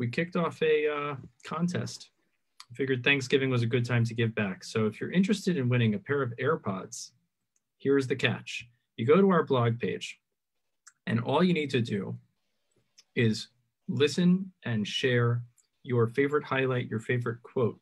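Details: Adult male speaker; normal speech.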